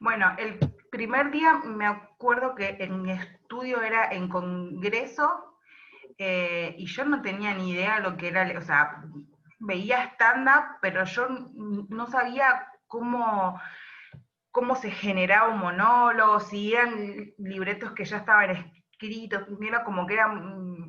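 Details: Adult woman who stutters, speaking Spanish; stuttering.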